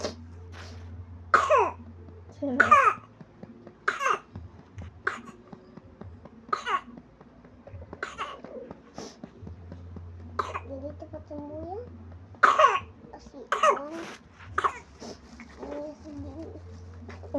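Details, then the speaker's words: Young child coughing: repeated short cough bursts mixed with whimpering and vocal sounds, low hum behind, with vomiting around the episode; cough. "Nggak apa-apa batuk."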